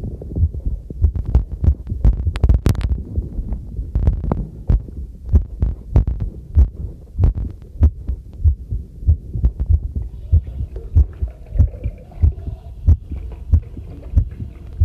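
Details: Own heartbeat recorded with a homemade chest stethoscope microphone while doing housework: steady beat about 95 per minute with running tap water and clinking tableware behind; normal heartbeat.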